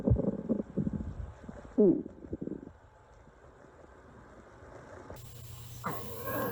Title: loud and hungry stomach growling